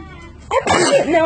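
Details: Small child gives one sudden, voiced sneeze after a brief quiet moment.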